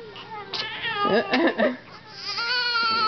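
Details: Infant crying at a family gathering on a cousin's first Halloween: drawn-out, tonal wails with short breaks, over adult voices in the room.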